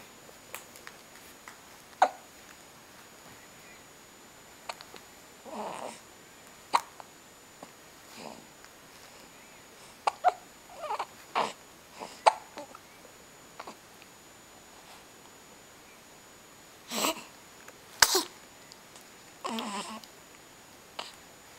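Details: Infant's hiccups: repeated short, sharp hiccup sounds recurring every second or two in a quiet room.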